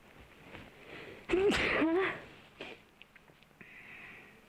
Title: ASMR 코청소 재채기가 계속 나와요. (조금 더러운 부분이 있을수도 있어요~ )Wipe my nose. I keep sneezing.